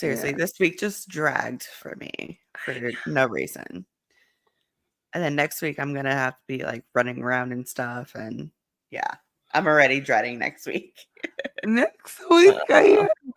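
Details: Adult speaker; ordinary speech.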